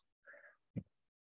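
Brief low, rattly snorting bursts, an adult's imitation of a snoring-type upper airway noise: stertor.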